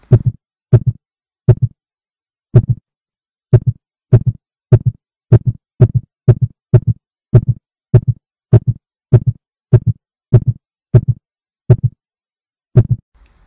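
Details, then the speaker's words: Low heartbeats during slow paced breathing, speeding to 100 a minute at end of inhale and slowing to 60 at end of exhale; respiratory sinus arrhythmia. "listen to the sound of the heartbeat and how it speeds up when the lungs are filling and slows down when the lungs are empty 100 beats per minute at the end of the inhales and 60 beats per minute at the end of the exhales"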